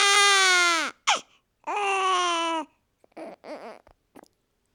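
Two long, high-pitched wailing cries from a newborn, separated by gasping breaths, then softer whimpers.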